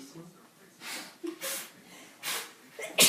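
A few short, sharp sneezes and snorting bursts from a dog, ending in a louder sneeze.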